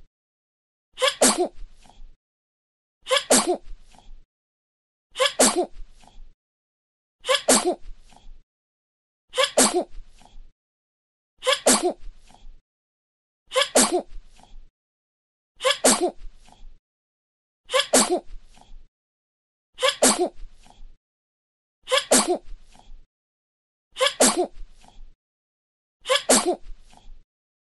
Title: 👶 Sonido de Bebe Estornudando - Baby Sneezing Sound 👶